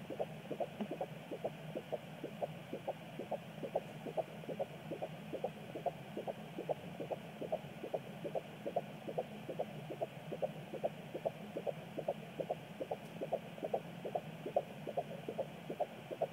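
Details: Fetal heartbeat on Doppler at 16 weeks 4 days of pregnancy: fast, regular whooshing pulses at about 140 per minute over a steady Doppler hum.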